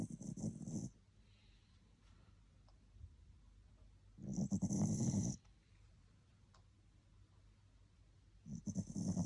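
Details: A sleeping small Spitz dog gives three rough snoring breaths, each about a second long, with quiet pauses between them; snoring.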